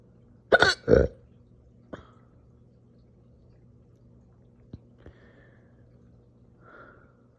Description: Some slow but super aggressive hiccup burps after breakfast this morning. These hurt so bad.